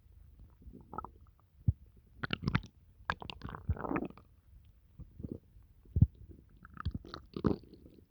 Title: stomach noises from pizza